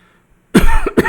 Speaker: Y'all hear that little coughing [ __ ]